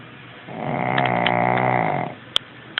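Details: 11-year-old Shih Tzu snoring: a single drawn-out, buzzing snore lasting about one and a half seconds, with a few faint clicks.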